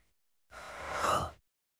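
A single long, breathy rush of air like a gasp or sigh, from an AI imitation of a cartoon character.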